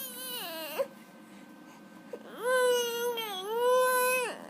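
Two drawn-out, wailing infant cries with a quiet pause between them, in a small room; an ordinary crying baby.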